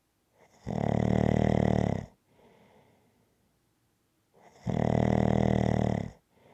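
Loud, rough, rattling snores about every four seconds with quieter breaths between, rhythmic snoring at about 15 breaths a minute.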